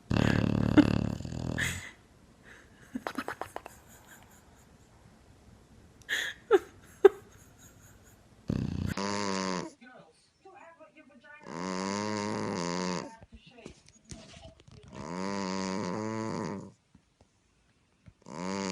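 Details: Sleeping pet snoring: long, rough, rattling breaths in a quiet room, recurring at intervals with silent gaps; snoring.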